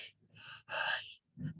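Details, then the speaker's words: A spoken imitation of a tubular bronchial breath sound (soplo tubárico), which signals lung consolidation such as pneumonia. "les puedo hacer de un soplo tubárico y este soplo tuvárico significa que existe una condensación pulmonar"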